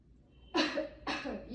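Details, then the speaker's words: Patient taught to take a deep breath and then cough twice, holding a pillow against the surgical incision: two deliberate voluntary coughs in a demonstration of the deep-breathing and coughing exercise. "so along with this deeper breath i want you to um along with this deeper breath i want you to cough two times i mean so that i prefer you to hold the pillow against your incision so that it will be comfortable for you"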